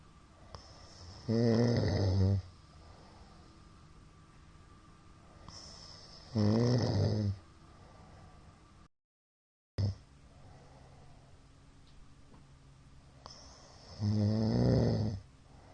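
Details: Middle-aged man asleep, recorded 2022-02-23; the recorder judges it sleep apnea from the count of shallow hypopneas. Deep, loud snores about every six seconds with quieter breathing between: snoring with sleep apnea.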